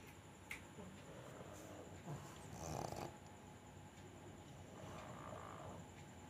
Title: pug snoring